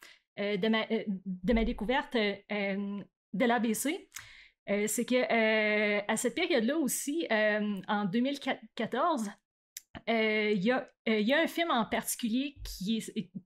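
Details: Adult woman who stutters, onset around age 7 or 8; stuttering.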